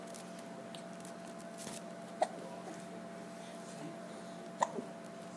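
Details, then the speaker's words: Boy who gets hiccups every time he smiles, hiccuping after laughing: two short, sharp hiccups a couple of seconds apart over a steady background hum. "इतना भी नहीं है, इतना ऐसा हिचकी."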